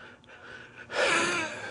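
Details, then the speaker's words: Adult former landfill worker in post-9/11 debris recovery, on about 20 pills a day and three inhalers; lung capacity 59%, heart pumping at 36%; constantly winded. Quiet pause, then loud harsh in-breath with faint whistling: wheezing. "the stuff gets on you as you can hear me wheezing um I'm on a lot of medication I have you know approximately 20 something pills a day three inhalers"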